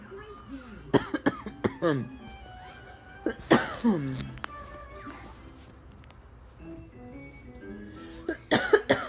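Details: Several harsh, forceful coughs in short bouts, described as a bad cough, with music and faint talk in the background.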